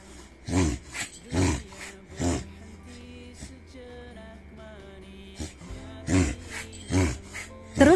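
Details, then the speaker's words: Dog with reverse sneezing: loud, repeated snorting inhalations in short runs, over background music. "Siapa yang anabulnya sering begini? Ini namanya reversing."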